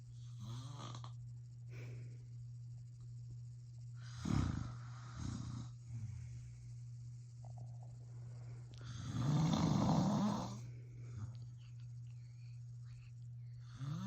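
Loud, rough snores with each breath in, over a steady low hum in a small room; heavy snoring during sleep.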